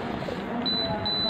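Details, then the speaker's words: Steady high beep cutting in and out from a Propex Pixi apex locator while a size 15 file is only a few millimetres into an upper right first molar; a false reading caused by saliva or water in the pulp chamber. "in this case it's showing false little because I haven't entered the file much because of the cause of this false reading is the saliva or water present inside the pulp chamber"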